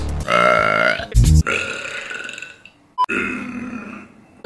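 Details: Girl's loud, deep belch bursting out over background music and voices, from a burp compilation.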